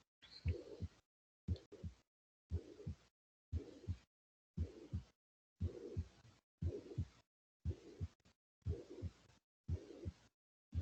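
Regular heartbeat near 58 a minute with a whooshing murmur between the first and second heart sounds.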